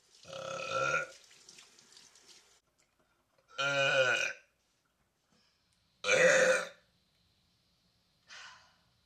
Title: new #burping compilation 🤣